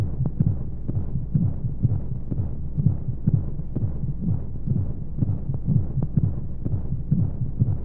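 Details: Womb sound played as a sleep aid for babies: soft, muffled, steady low thumps at roughly 125 a minute under a constant whooshing hum of flowing sounds and white noise; a heartbeat as heard inside the womb.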